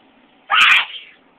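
A single sharp, high sneeze over faint room hum.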